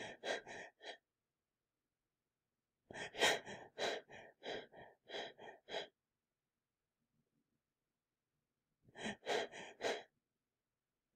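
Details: Cluster breathing: periods of hyperventilation alternating with pauses in breathing, from bilateral dysfunction in the deep cerebral area; this type of breathing may also be heard with cardiac insult such as heart failure or myocardial infarction.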